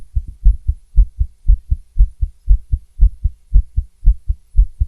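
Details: Female heartbeat heard through a stethoscope: fast, mostly regular at about 115 per minute, with occasional uneven gaps where a beat seems skipped; tachycardia with skipped beats.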